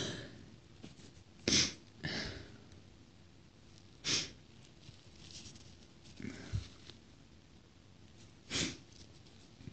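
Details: Several short, airy bursts mixed with sniffs, fitting a run of small sneezes; sneezing.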